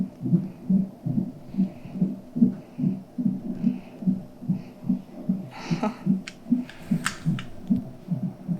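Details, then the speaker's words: Rapid, regular whooshing fetal heartbeat, about 145 a minute, from a fetal heart monitor with brief rustling; routine check of a baby girl, mother's seventh pregnancy, about six weeks before due date, while mother lies on bed. "waiting to have someone someone come and probably put a monitor on i would reckon and just monitor the baby's heartbeat and i'll probably sleep whilst that's going on"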